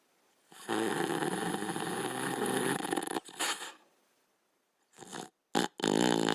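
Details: Sleeping Border Collie dog snoring: a long, loud rattling snore, then shorter snorts and gaps.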